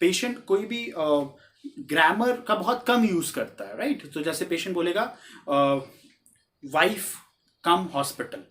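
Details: Wernicke's aphasia example read aloud by a lecturer: fluent, voluminous but uninformative speech with few substantive nouns; the patient may not understand what he is saying.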